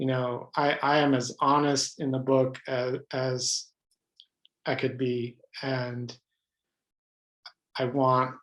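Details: Adult man with lifelong stuttering, pattern mostly blocks, who reports hundreds of different ways he stutters, speaking spontaneously in a real interview; stuttering.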